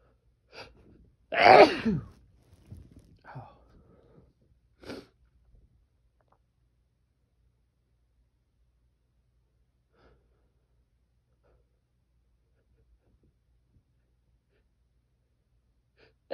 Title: These sneezes felt strong